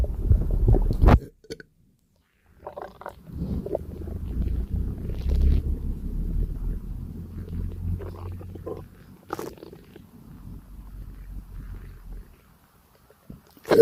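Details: Stomach digesting a light breakfast: a burp-like sound, then long low gurgling and rumbling with scattered bubbling pops, ordinary bowel sounds.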